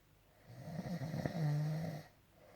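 One rattling snore that turns into a steady low drone on the breath in; ordinary snoring.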